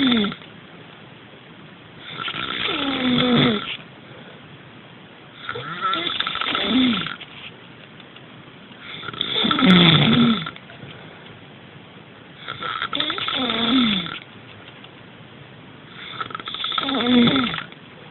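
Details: Loud, rough snores on each in-breath, about 17 per minute, with quiet breathing out between them; snoring.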